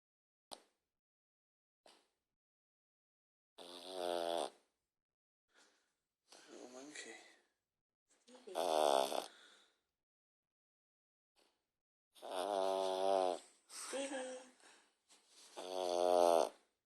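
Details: Snoring: repeated drawn-out, buzzing, nasal snores with each breath, separated by quiet pauses.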